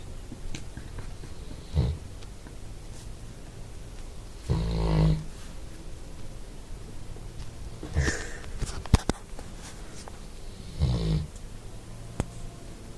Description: lazy dog snooring after doing nothing